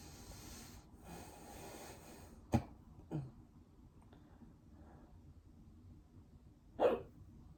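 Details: Hiccups: a few short, abrupt gulping sounds spaced a few seconds apart against background noise, part of a run of 22 hiccups.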